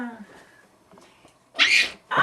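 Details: Mother sneezes while her baby laughs: one loud, sharp, explosive sneeze followed by the start of a second, after quieter voices in the room; sneezing.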